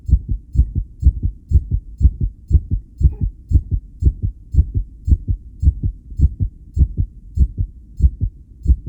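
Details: Self-recorded with a homemade electric stethoscope during 10-lead ECG monitoring after regulated breaths: strong, fast paired heart sounds at about 115–120 per minute with slight spacing changes and faint ticking; tachycardia with occasional extrasystoles.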